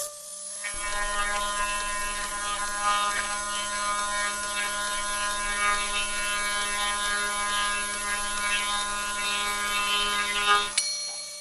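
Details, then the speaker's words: Budget dental reciprocating saw demonstrated as equipment for rhinoplasty and skull or bone work: a steady high-pitched motor whine with a buzzing, rasping edge for about ten seconds as it cuts bone. "и далее возьмём самый бюджетный вариант это реце прок ная стоматологическая пила которая используется обычно в стоматология поехали"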